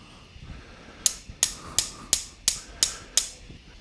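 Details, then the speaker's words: Bilateral femoral derotational osteotomy surgery: seven sharp, evenly spaced metallic mallet taps, about three per second, driving an intramedullary nail over the guide wire, down the femoral canal to just past the osteotomy site. "And we're going to tap this down to the point where we're just past our osteotomy site."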